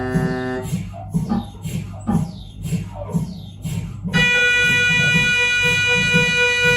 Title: Siemens Magnetom Avanto 1.5t MRI sound